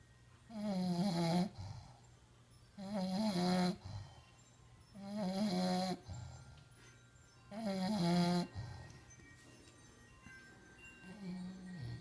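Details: Sleeping bulldog snoring: loud, rhythmic snores with a buzzing, tonal rattle on each breath, about 25 per minute, separated by quiet pauses.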